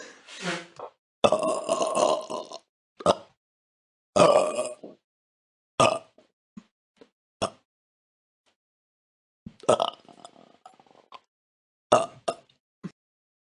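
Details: Royalty-free burp sound-effect compilation: a series of loud, low, croaking belches of varying length separated by silence; burping.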